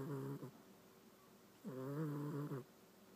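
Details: A cat snoring loudly enough to keep the household up at night: two long, voiced, rattling breaths with a low buzzing pitch, separated by a quiet pause.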